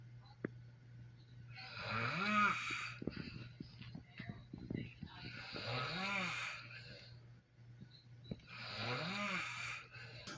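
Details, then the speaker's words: Adult snoring in sleep, recorded in the morning by a partner: loud rasping snores with each in-breath, about three in ten seconds. "actually wanted sleeping because he snores like a [ __ ] freight train she does too"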